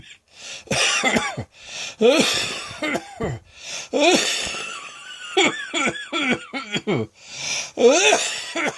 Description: OMG! I thought my lungs were going to burst with this one! I could feel the tickle coming on and managed to grab my phone in time, but I had no idea how long or how heavy it would be.